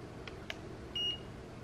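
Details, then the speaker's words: Two faint clicks, then a single short high-pitched beep from a digital thermometer finishing a reading in a quiet room; adult sick for three days with fever the night before, reading about 97.7–97.9°F. "Let me check it right now. I think my temperature is okay right now. It's low. It's okay right now. 97.7. Let me try it again."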